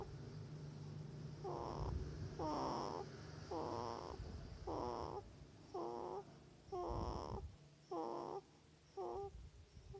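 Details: Baby girl snoring: eight rhythmic, buzzy snoring noises, one on each breath over ten seconds, about 48 breaths a minute, with faint room noise. Infant snoring.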